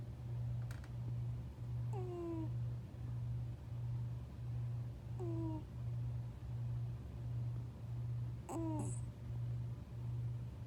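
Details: Sleeping dog snoring in a steady low rumble with three brief high squeaky whines.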